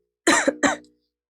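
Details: Two quick, voiced cough bursts from a young adult woman, a second-year medical student, in a quiet room; a cough during a respiratory infection.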